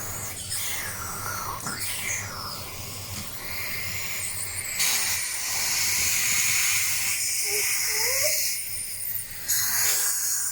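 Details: Steady hissing spray of a dental water jet during a young girl's teeth cleaning, with faint voices and room noise: dental water spray.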